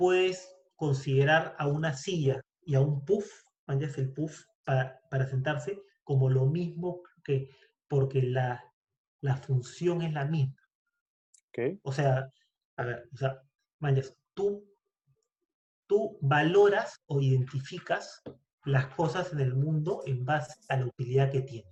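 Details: Male speaker who stutters, in a Spanish-language podcast conversation between two people who stutter about the variability of stuttering; stuttering.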